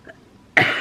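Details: Person who tested positive for COVID-19, in the first days of symptoms. After a quiet moment, a single sharp, harsh cough burst with no rattle or wet sound: a dry cough.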